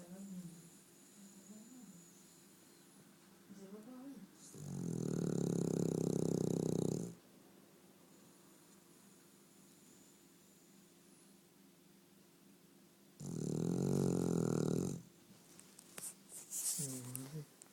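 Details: Sleeping dog snoring: two long, loud, rattling snores several seconds apart, with quiet whimpering sounds in between.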